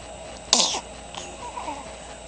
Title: sneezes